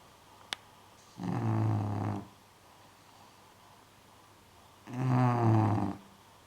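Two loud, low, rattling snores about four seconds apart in a quiet room, typical of a flat-faced dog snoring.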